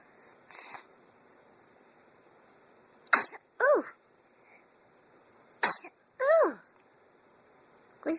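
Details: Infant smiling and sneezing: two sharp little sneezes, each followed by a soft cooing vocal sound.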